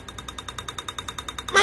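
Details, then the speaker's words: Adult's first transcranial magnetic stimulation treatment for treatment-resistant depression: rapid, evenly spaced clicking taps, about eight per second, as the machine delivers magnetic pulses to the brain. "this is a video of my first TMS treatment this machine uses magnetic pulses to stimulate nerve cells in my brain known to be associated with"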